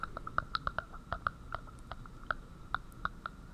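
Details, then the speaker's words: Chest auscultation teaching example of a death rattle: irregular wet popping and bubbling as secretions pool in the upper airways. "o extor da morte é mais quando acumula a secreção nas vias áreas altas como aqui está"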